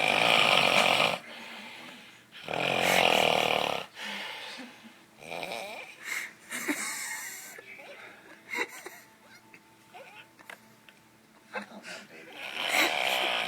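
Loud, harsh, rattling snores in long bursts, some with whistling wheeze-like tones, between quieter breaths and room noises: heavy snoring.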